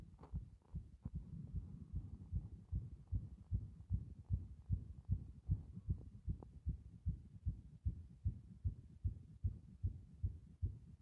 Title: 心臓の筋力がよくわかる動画